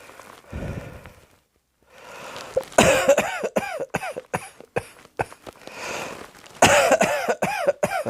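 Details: Two fits of repeated harsh coughs with throat-clearing noises, preceded by rough breathy sounds, in a small room; an ordinary cough.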